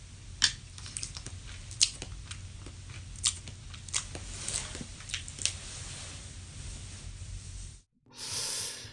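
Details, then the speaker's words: Own sleep recording of sleep bruxism (teeth grinding): irregular crunching, clunking and clicking tooth contacts and grinding over a steady room hum; a bed cracking noise is heard at one point. "gnarly doesn't that sound absolutely insane like you're hearing like gnashing of teeth like clunking and you're hearing this this grinding"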